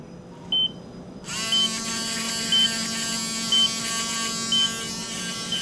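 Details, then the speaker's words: Reciprocating power rasp filing down a calcaneal heel spur during plantar fascia release surgery: high buzzing whine with a steady beep about once a second in the background. "Here's a small piece of the plantar fascia that I've removed that was connected to the bone to reveal the bone spur so I can file it down."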